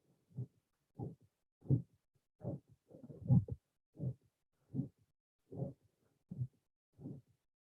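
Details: Aortic stenosis murmur from a teaching lecture on acyanotic heart defects: regular low heart sounds, each followed by a rough crescendo-decrescendo murmur of varying intensity.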